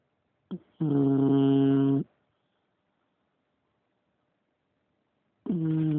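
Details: English bulldog (female) snoring: loud, buzzing, tonal snores with a silent pause between breaths while asleep.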